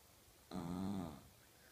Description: My loud snoring doggy.